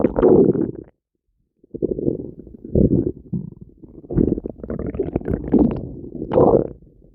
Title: Violent Stomach Noises